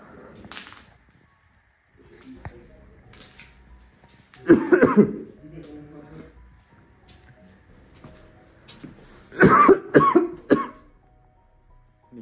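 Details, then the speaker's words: Companion coughing in the background inside an abandoned building: two short bouts of harsh coughing, two or three coughs each, in a quiet, echoey space. "CT is coughing in the background. I'm kind of sick. So I'm sorry, guys. You can hear them coughing in the background."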